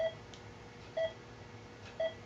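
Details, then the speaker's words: Pulse oximeter beeps: three short steady beeps about one second apart, near 60 a minute, demonstrated in a lecture on auditory displays. The cadence follows the heartbeat and the tone's pitch conveys blood oxygen saturation. "you're going to hear it in the cadence of that beep uh and you're also going to be able to tell if the person is getting the oxygen that they need because the tone the pitch of the tone is uh conveying how much oxygen is in the blood"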